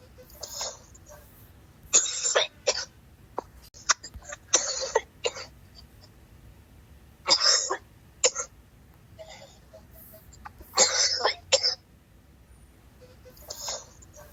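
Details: Coughing fit so hard it brings on nausea: repeated harsh, forceful coughs in clusters of two or three, separated by short pauses.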